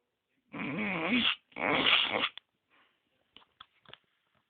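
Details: Snoring: two long, rough, nasal snorting breaths followed by a few soft snuffles in a quiet room.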